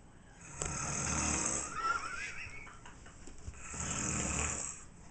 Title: Elk snores somethin fierce like I ain't never heard before